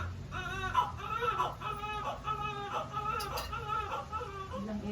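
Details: Newborn cry right after a hard normal vaginal delivery: repeated strong, high-pitched wailing cries with brief breaths between; a vigorous newborn cry.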